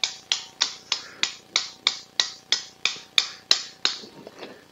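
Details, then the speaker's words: Right shoulder arthroscopic rotator cuff repair with biceps anchor tear: sharp regular metallic mallet taps about three a second, then softer ones, as a suture anchor is hammered into bone through a guide. "okay so I don't get everything lined up so we can see in work that's pretty good there we'll hammer this down into the bone"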